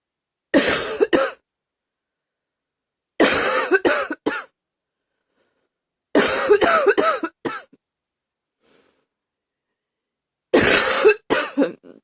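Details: Hard, harsh coughing with gagging, recorded a while earlier: four bouts of two or three forceful bursts each, separated by quiet pauses.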